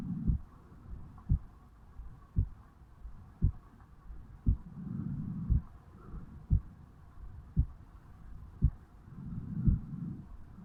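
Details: 35-year-old male, self-recorded at the bicuspid/mitral valve area on waking in the morning: regular low thumps about 58 a minute over steady hum, slower swells of breath noise; slow steady heart sounds.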